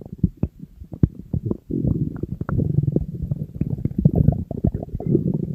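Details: Very hungry person on a diet: low, irregular gurgling and rumbling from an empty stomach, sustained for several seconds; ordinary hunger-related stomach growling (borborygmi).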